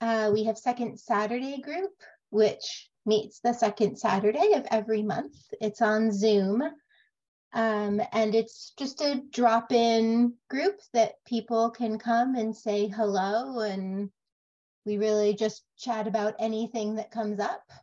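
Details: Adult woman; Normal speech.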